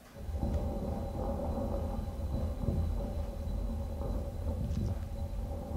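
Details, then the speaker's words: Normal breath sounds from a healthy patient, recorded for a computer-aided pneumonia detection project: soft, low rumbling breath sounds through a stethoscope on an adult chest, no added sounds. "Now let's see if you can actually differentiate the breathing sound between a pneumonia patient and a healthy patient. So let's hear it from the healthy patient first."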